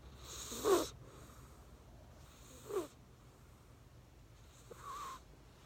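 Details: Sleeping cat snoring: three soft, breathy snorting snores a couple of seconds apart, the last one faint.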